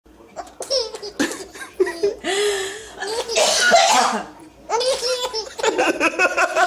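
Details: A mother coughs while getting ready to feed her baby, and the baby laughs in response; adult cough.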